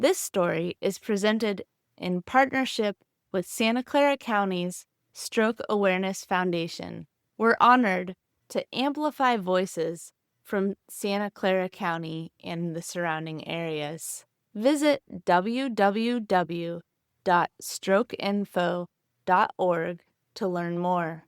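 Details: Adult speaker; Typical speech.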